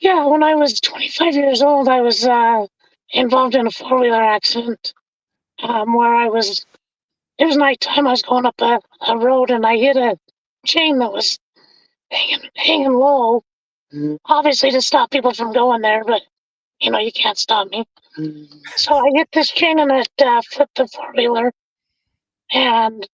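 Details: Adult man with vocal cord paralysis from a severe injury (lungs three-quarters full of blood); told he would never talk again; tracheostomy removed after 2 months; scope still shows paralyzed cords; over 25 years since onset.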